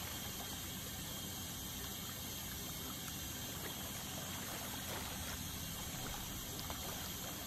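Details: Ultrasonic dental scaler removing tartar during a dental scaling cleaning: steady hissing spray with a faint high whine and trickling water.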